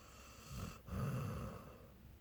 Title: snoring:)